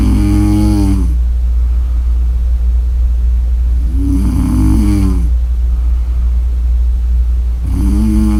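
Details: Loud, vibrating snores on the in-breath about every three to four seconds, over a constant low rumble of background noise; snoring.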